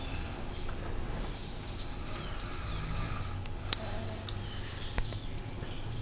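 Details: Adult man snoring in sleep after a heavy night, steady low rumbling with occasional snorts and sniffs in a small room.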